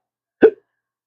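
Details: Adult man with chronic intractable hiccups: a single abrupt, sharp hiccup sound.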